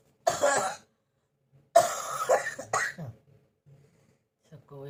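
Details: Persistent cough lasting many days, which the person blames on hot-cold weather changes and is taking medicine for: a harsh single cough, then three rough coughs with throat clearing and a brief voiced sound.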